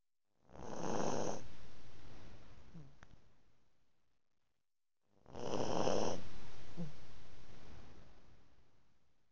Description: My chihuahua, Maraquita, passed out snoring. :}